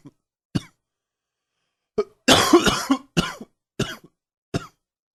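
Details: Several sharp, separate coughs from an adult, including one longer rattly bout, in a quiet room; morning cough attributed to allergies.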